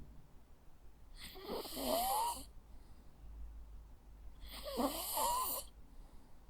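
Two long, rattly, wheezy breaths about three seconds apart from a small dog asleep; harmless snoring.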